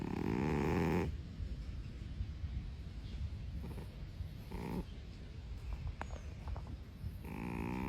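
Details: Sleeping cat snoring: loud buzzing snores at the start and end with a softer one in the middle, over a noisy room.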